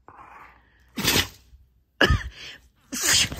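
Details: Dog Reese, seemingly feeling a little better after illness, sneezes with a few sharp, hissing bursts after a soft voiced sound; some bursts are the owner's faked sneeze, which excites her.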